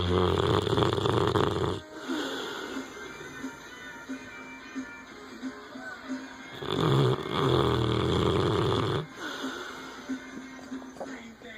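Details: An English Mastiff gives two long, loud, deep rumbling snores about five seconds apart, with music playing in the background; snoring.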